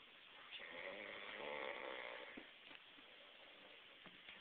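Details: Snoring person: a rough, rattling snore on a long breath, then quieter breathing with faint clicks; ordinary snoring.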